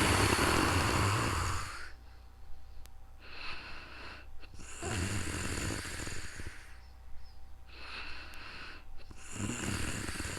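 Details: Loud, rough snores on each in-breath with quieter out-breaths, about three breaths in ten seconds, recorded in real time during sleep; snoring.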